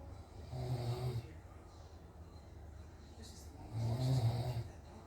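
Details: Father filmed by family while sleeping because he doubted he snores: two loud, low, rattling snores on inhalation, separated by quieter breathing; ordinary snoring during sleep.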